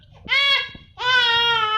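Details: 7-month-old baby crying, around hiccups and pooping: two short, high-pitched wailing cries separated by a brief pause.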